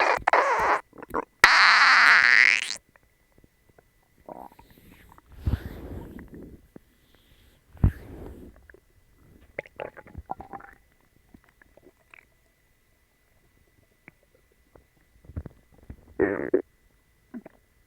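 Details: Irregular gurgling and rumbling bowel sounds with quiet gaps, stomach growling with bellyache after the person ate dog treats, which ran right through them.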